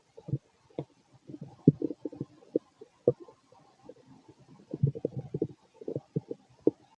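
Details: Stomach growling (borborygmi) in an adult male late at night after eating a lot, feeling gassy and bubbly: irregular low gurgles and bubbling pops from the belly over several seconds.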